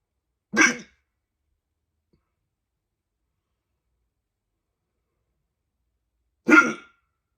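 Two loud, abrupt hiccups about six seconds apart, with silence between.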